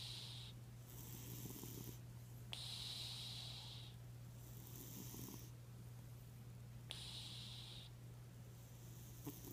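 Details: Cat snoring: rhythmic soft snoring breaths, each about two seconds long, with faint hissy exhalations over steady room hum.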